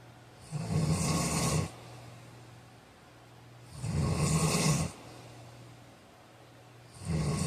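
Loud, rough, rattling snores on each breath in, about 19 breaths a minute, with quieter breathing out between; snoring during sleep.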